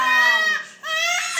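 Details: Baby girl crying, said to be hungry: loud, high-pitched sustained wailing in two bursts.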